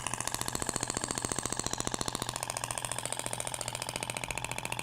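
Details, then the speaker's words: IBRAMED Thork radial shockwave device applied to a person's abdomen near the navel, passes in both directions with a different tip: rapid, steady mechanical tapping at about 15 pulses a second; shockwave device firing in sequence. "agora vai para o sentido até o barulho é diferente da ponteira de cordas e tal"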